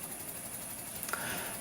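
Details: Ventilator running in high-frequency oscillatory ventilation (HFO) mode on a SERVO-n: steady, rapid mechanical buzz with a brief tonal chirp in a quiet room.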